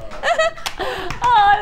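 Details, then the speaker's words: Adult presenter sneezing during a live studio broadcast: voiced catching breath, then a sharp explosive burst of air, a single sneeze in a quiet room. "I've got loads of people now going what was that noise I'm so sorry I'll try not to sneeze again"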